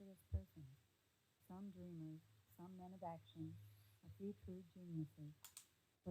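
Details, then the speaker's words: Simulated bilateral moderate-to-severe sensorineural hearing loss, right ear, female voice; speech is muffled, very faint and quiet, with high sounds stripped away, and the words are a struggle to make out. "so that's very interesting very faint very quiet you can work out the words and make up what is being said is just a struggle"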